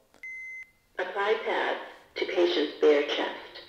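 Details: An automated external defibrillator just switched on gives a single steady electronic beep, then a recorded voice prompt; AED start-up in a CPR training demonstration.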